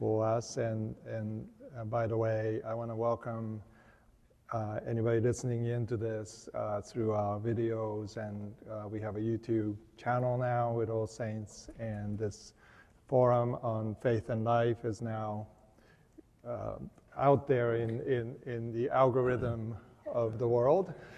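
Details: Adult man speaking; Normal speech.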